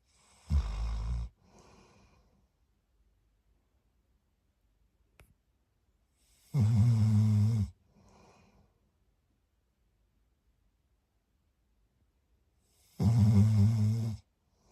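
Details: Sleeping puppy with loud, low, rumbling monster-like snores on each breath in and quieter breaths out between, about nine a minute; ordinary snoring.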